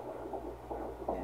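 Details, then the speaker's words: Rapid rhythmic whooshing pulses on Doppler, roughly 150–160 beats a minute, at 11 weeks of pregnancy: fetal heartbeat. "in the best part we also got to hear the heartbeats we did it was awesome"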